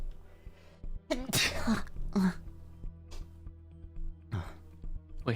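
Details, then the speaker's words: Adult's sharp sneeze with a quick inhaled lead-in over background music, during a livestream after the person had just suppressed an earlier sneeze. "is that a real sneeze don't look at me oh my god don't look at me"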